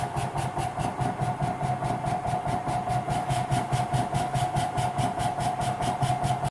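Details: PEGASO mechanical cough assist device in percussion therapy mode, where frequency and pressure can be raised to increase drainage: steady mechanical hum with rapid rhythmic pulsing, about 140 per minute.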